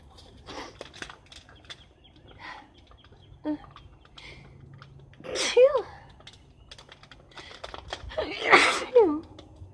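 Quiet sniffing and nose-blowing noises, then two louder sneezes near the end, with faint room noise.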